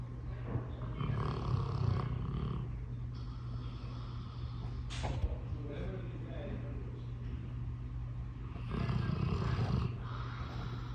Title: Loud Snoring Dog